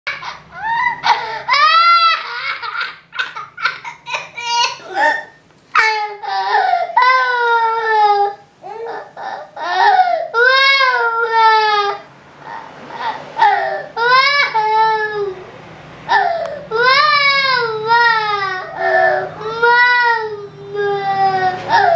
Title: Why My Baby Cry